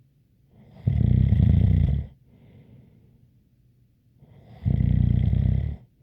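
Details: ASMR snoring recording: two loud, rattling snores about four seconds apart, each with a faint high whistle, and softer breathing between them.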